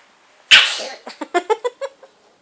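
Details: Sneezing: a single sharp sneeze followed by a run of short, squeaky snuffles.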